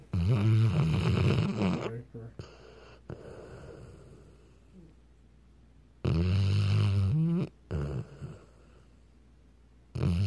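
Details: A Weimaraner dog giving loud, rough, low rattling snores on breathing in, with quiet breathing out between: snoring.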